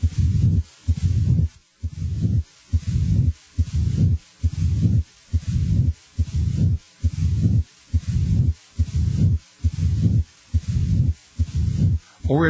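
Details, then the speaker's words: Mid-diastolic murmur as in mitral stenosis: regular heart sounds about 65 a minute, a low rumbling murmur starting a short time after S2, with a brief quiet gap. "a mid yolic murmur as in mitros stenosis starts a short time after S2 it"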